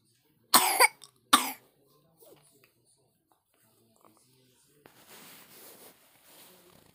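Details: Infant cough: two harsh cough bursts in quick succession, then quiet breathing and faint room noise.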